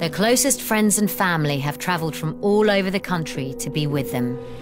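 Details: Adult woman narrator; normal speech.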